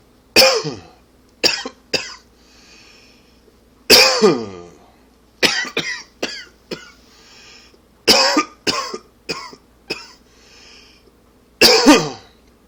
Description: Allergy / smoking cough.